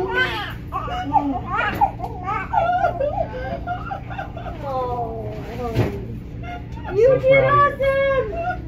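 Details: Newborn boy, 8 lb 15 oz, at delivery after labor following membrane sweeping: repeated high, wavering cries with short breaths between, over room noise and talk; a normal cry just after birth.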